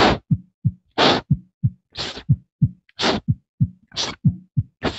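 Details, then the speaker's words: Vocal imitation of a diastolic murmur, a blowing whoosh after S2 and before S1 ("lub dub murmur"), heard as paired low thumps each followed by a long whooshing noise; teaching demonstration, not a real recording. "if it's after S2 and before as one that's going to be your diastolic so we do that love dub and you're gonna have your murmur love dub murmur love dub murmur"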